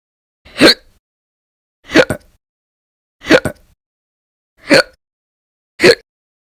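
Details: Repeated hiccups, sometimes violent and loud, sometimes silent, recorded over February 2020 (audio only): five sharp, abrupt gulping hiccups, some doubled, about one every 1.3 seconds, with silence between.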